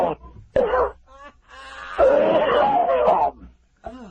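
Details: Harsh, strained hacking with wheezy, groaning breaths in a drawn-out coughing fit in a small room, from a drunk radio caller right after getting high.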